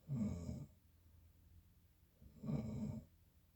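Two low, rattling snores a couple of seconds apart in a quiet room, typical of snoring during sleep.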